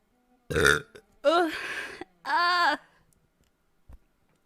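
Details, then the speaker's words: Female streamer who burps a lot, currently eating: three loud, voiced, croaking belches in a row separated by brief silences. "oh excuse me excuse me that was a very wet one"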